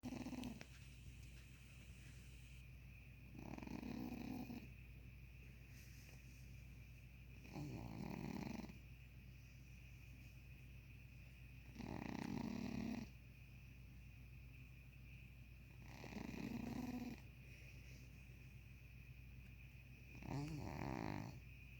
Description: My cat snores a lot, but this time it sounded like purring.